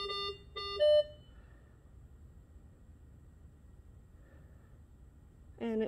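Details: Two short beeps and a higher tone, then after a quiet pause another tone: O2 sensor calibration at 21% on a Datex-Ohmeda Aestiva/5 anesthesia machine failing because nothing is hooked up properly.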